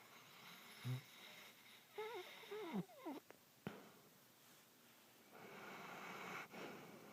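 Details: Noisy breathing during sleep: soft snorts and whistling, squeaky breaths, then a longer rough snore. The owner says it was louder before recording began. Snoring with snorts.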